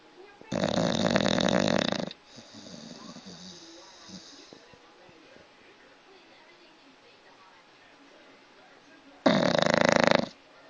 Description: My dog is worse than a human being at snoring.